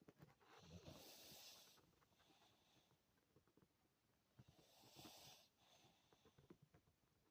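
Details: Dog (Carebear) snoring while asleep: quiet, breathy snores with a hissing rush, two breaths over seven seconds.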